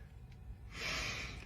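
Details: A single forceful nasal snort, a noisy rushing intake of air through the nose after a quieter stretch, heard while a magnetic nasal dilator for nasal congestion and snoring is being demonstrated.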